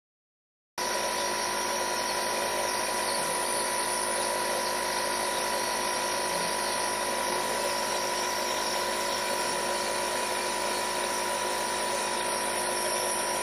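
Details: Nebulizer compressor used to treat an asthma attack: steady mechanical whine and buzz of the motor running continuously.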